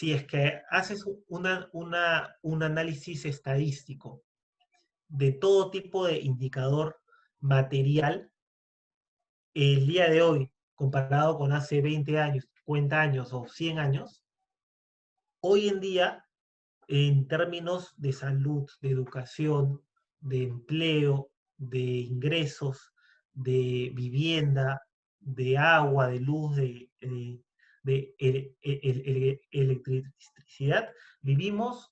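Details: Spanish-speaking man who identifies as a person who stutters; stuttering.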